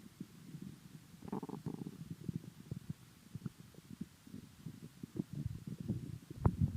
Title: Stomach noises